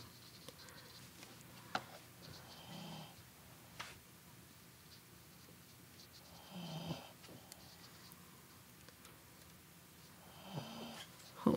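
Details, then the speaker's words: Soft, rhythmic snores about every four seconds from a sleeping dog named Rose, with faint tapping clicks in a quiet room; normal snoring. "you can hear rose snoring i'm sure i'm grateful for rose"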